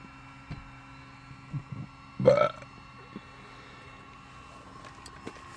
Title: One minute of burping